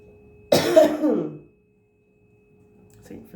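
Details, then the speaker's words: Adult with a cold: a single harsh cough with throat clearing, then a quiet room. "Um, so here I am and I brought my cough along to demonstrate for you all. I might hack and die."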